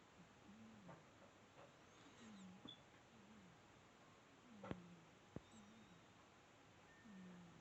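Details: Soft, low, rhythmic snoring from a sleeping cat, steady with each breath, faint clicks in a quiet room; snoring.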